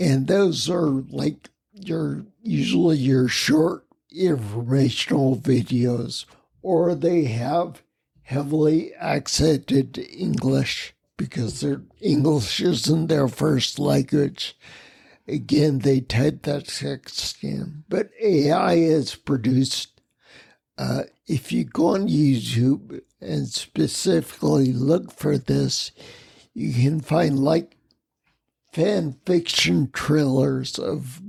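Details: Ataxic dysarthria in a man with spinocerebellar ataxia, a rare neuromuscular disease that has also caused mobility challenges and noise-induced anxiety; he has lived with these disabilities for over 20 years.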